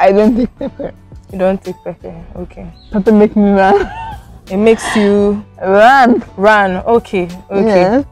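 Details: Adult speaker, likely female; speech.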